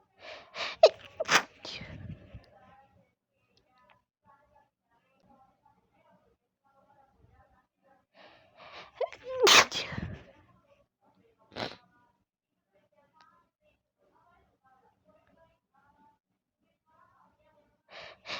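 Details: Sudden sneezing fit: a run of sharp, explosive sneezes with brief breathy intakes, a pause, then several more sneezes; loud TV in background, recorded with headphone microphone.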